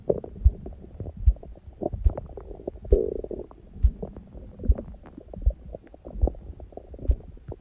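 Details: Adult's abdomen recorded after ab exercises on a raw-food diet, following a fast and then a large meal at 16:00: a strong heartbeat heard through the belly as regular low thumps, about 70 a minute, mixed with gurgling bowel sounds.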